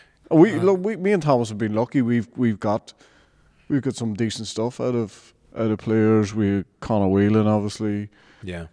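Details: Adult man speaking; no disorder.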